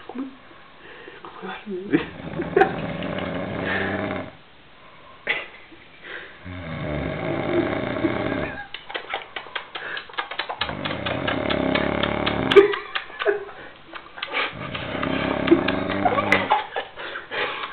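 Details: Male sleeper snoring in Viveiro: loud, rattling snores at irregular intervals, some with a fluttering buzz, in a small room.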